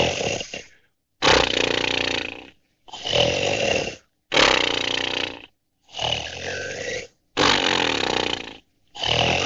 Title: SNORING SOUND EFFECT HD